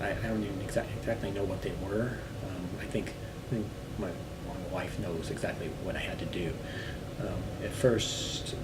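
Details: Man recovering from global aphasia who has since returned to work; aphasia (word-finding difficulty).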